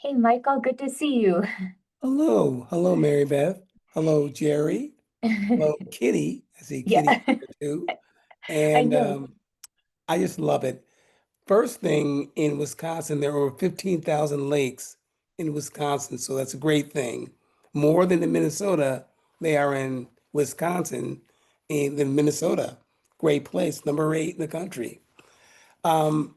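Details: Aphasia in an adult man following a stroke in 2016.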